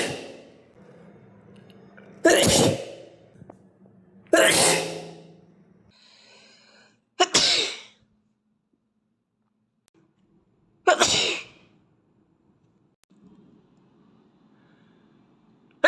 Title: Cute Asian boy sneeze compilation